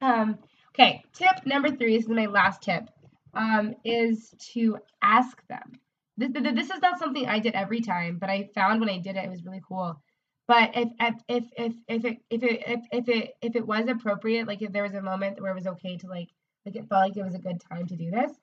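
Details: Adult woman, a speech-language pathologist who stutters, formerly covert about her stutter and now stuttering openly: stuttering.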